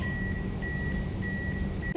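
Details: AED repeated beeping after "Shock delivered. Start CPR" voice prompt, signalling the rescuer to resume CPR; nursing OSCE training demonstration of an automated external defibrillator.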